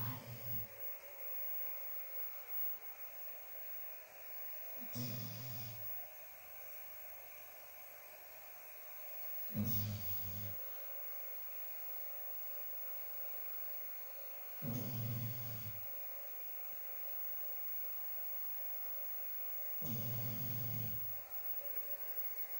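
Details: Sleeping dog snoring; low rattling snores recur about every five seconds, roughly 12 a minute, over quiet room noise; ordinary snoring.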